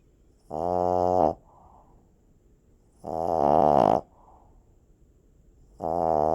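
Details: Snoring puppy asleep: loud, buzzing, droning snores with a soft puff after each, about every two to three seconds; heavy snoring.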